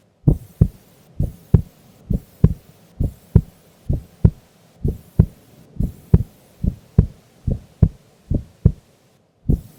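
Steady, regular paired heartbeats at about 68 a minute with a faint background hum; an ordinary resting heartbeat.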